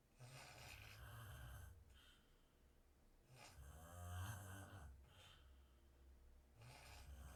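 Low, rumbling snores on each breath in a quiet room, about one breath every three seconds.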